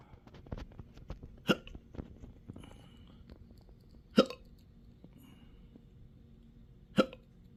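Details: Self-recorded intractable hiccups with belching, choking spasms and developing achalasia since December 2015, now 12-hour episodes up to 7 days a week: three sharp, abrupt hiccups about three seconds apart over a quiet room background.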